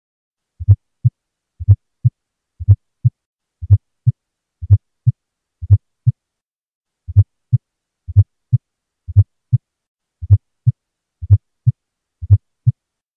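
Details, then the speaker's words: S4 gallop, teaching example of a new S4 from a stiff ventricle due to myocardial ischemia: regular heartbeat about 60 a minute, dull low extra sound just before and very close to each S1, almost like two S1s. "so in this case here that s4 was very close to the s1 which makes sense the atria contract we hear the sound and the ventricles contract immediately thereafter so it almost sounds like we have two s ones because it's so close to that s1"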